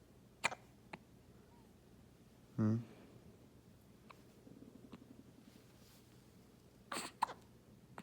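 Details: Baby with hiccups: a few brief, soft catch-like sounds in a quiet room, fitting infant hiccups.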